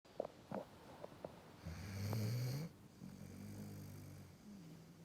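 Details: A dog snoring while asleep.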